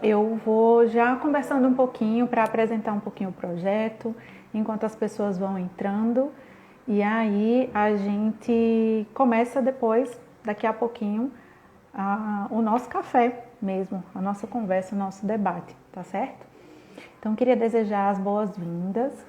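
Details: Adult woman speaking Portuguese; typical speech.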